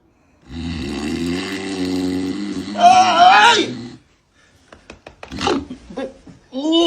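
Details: Snoring in a Filipino comedy skit: a loud snorer keeps a companion awake, denies snoring, and offers to turn onto his side.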